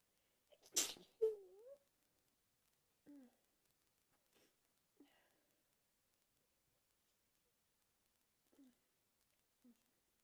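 One loud sneeze, then a vocal sound and several small, muffled, stifled sneezes in a quiet room.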